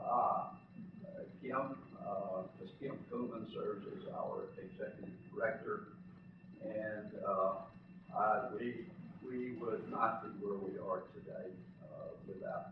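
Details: An adult man who lives with spasmodic dysphonia; spasmodic dysphonia.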